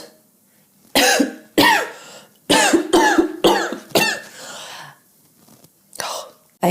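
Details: About seven forceful, harsh coughs in quick bursts, some doubled, with a short voiced throat sound between; an acted bout of coughing by a woman demonstrating a cough-counting phone app.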